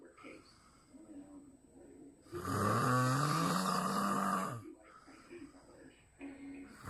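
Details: A snoring duck described as sounding like a grizzly bear: one long, loud, deep growling snore lasting about two seconds between quieter breaths.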